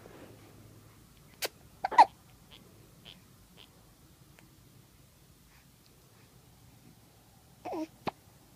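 Quiet room with a few brief, abrupt vocal catches spaced seconds apart, fitting hiccups.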